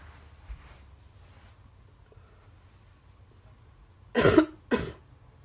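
After quiet breathing, two short, forceful coughs in quick succession in a small room.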